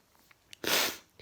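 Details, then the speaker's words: Adult in a sneezing fit of unknown cause despite an air cleaner, tired: one sudden, forceful sneeze, a brief catch of breath then a loud, hissing burst of air. "air cleaner so i have no idea why i'm sneezing maybe because i'm tired i don't know why because i i slept for it nearly nine hours yesterday before work"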